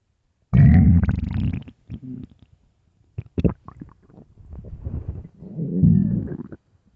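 Loud, long, low gurgling growls in several bursts with quiet gaps; ordinary hunger rumbling of an empty stomach.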